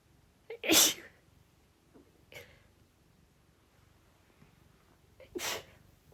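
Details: Woman sneezing while typing a report: two sharp explosive sneezes, each preceded by a quick catch of breath.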